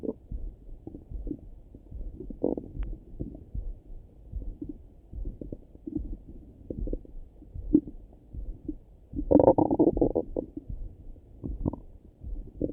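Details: Morning stomach rumbling over the belly: gurgling, bubbling sounds with frequent short bursts and a louder rumble, normal bowel sounds (borborygmi).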